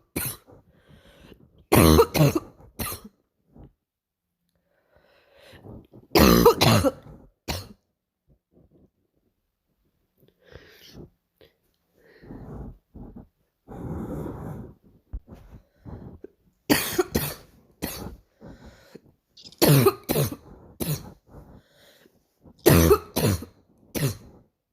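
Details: Barking cough from a child: short, harsh barking coughs in several bursts, with quieter breaths and throat sounds between.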